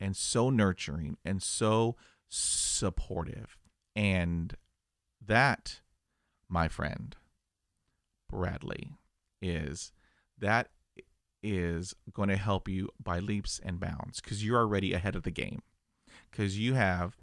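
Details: Adult male who stutters; stuttering.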